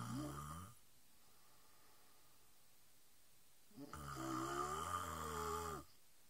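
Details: Sister snoring during sleep: two loud, buzzing, rumbling snores separated by a quiet pause of about three seconds; snoring.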